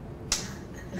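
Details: Single sharp click of a transcranial magnetic stimulation coil pulse, fired over the head of an adult woman while mapping her hand/arm motor area; she relaxes her arms and the pulses cause subtle arm and finger twitches in a live demo.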